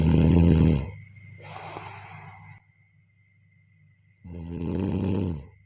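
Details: Snoring during sleep: deep rumbling snores with a faint steady tone in the background.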